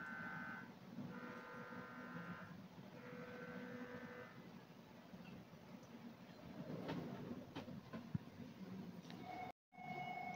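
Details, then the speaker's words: GE HDxt 1.5T MRI scanner running prescan at sequence start for brain perfusion study, before dynamics and contrast injection: steady electronic hum with repeated tonal buzzing and faint clicks. "हमारा sequence start हो गया है अभी वो pre scan ले रहा है"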